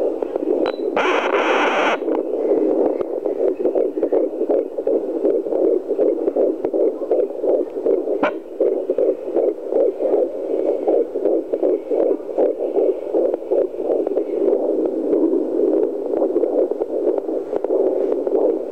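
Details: 13 weeks pregnant, fetal Doppler: rapid rhythmic whooshing heartbeat about 160 beats a minute with static and probe scratching, a fetal heartbeat; possible twins queried.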